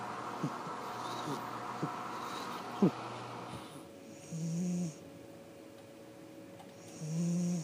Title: panda snores